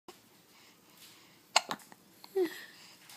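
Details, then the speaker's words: Hiccups in a young child who gets them every day: a few sharp, abrupt catches in the breath, each followed by a short voiced sound, in a quiet room. "do you have the hiccups do you have the hiccups"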